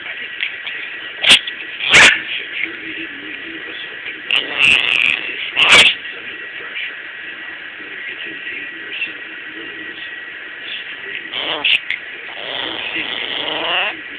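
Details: Puppy that likes being petted gives about four short, sharp sneezes over several seconds amid faint household noise: sneezing.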